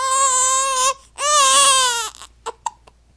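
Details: Nine-day-old infant girl, fussy and having hiccups: two sustained, tonal cries followed by a few short, sharp catches of breath; fussy crying.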